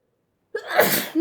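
A single sharp, explosive sneeze after a brief quiet intake, with a sound of breath drawn in at the end; typical of an allergic sneeze.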